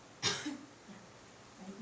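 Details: Simulated training demonstration of effective cough exercise on a client: deep breaths exhaled through the mouth, breath held briefly, then one sharp, forceful deliberate cough to bring up phlegm, followed by quiet.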